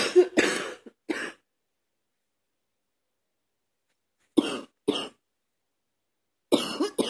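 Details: Three bouts of short, dry coughs, about eight in all, separated by silent pauses, from a man cleaning his truck whose cough is not getting better; persistent cough.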